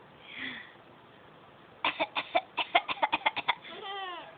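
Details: An infant aged 5 months and 20 days, bouncing himself in a bouncer seat, makes a quick string of short, breathy, playful fake-cough bursts followed by a brief voiced coo.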